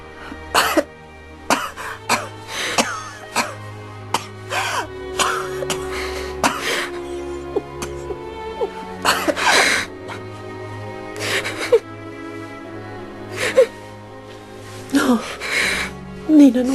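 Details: Acted coughing by an adult actress in an Italian drama scene: repeated short coughs and throat-clearing with soft music behind.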